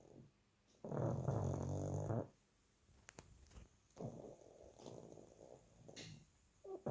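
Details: A 2-year-old pug sleeping, with low vibrating snorts on the in-breaths, one loud and the others softer. Snoring.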